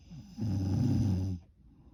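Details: Night-time snoring: one deep, buzzing, low-pitched snore lasting about one second.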